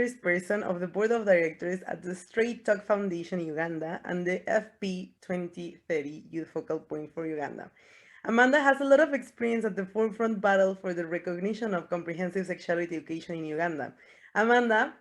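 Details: Adult woman speaking; normal voice.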